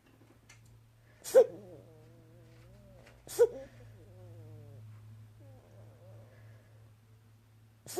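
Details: Infant boy with breathing spasms, prolonged hiccups and gasping, described as different from normal hiccups or breath-holding, cause unclear: sharp sudden inward gasps about every two seconds, each followed by soft whimpering; repeated hiccup-like inspiratory gasps.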